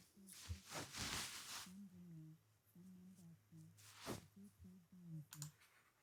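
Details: Simulated bilateral severe-to-profound sensorineural hearing loss, left ear, unaided: spoken passage heard as a faint, low, muffled murmur with no intelligible words; very low frequencies remain partly audible.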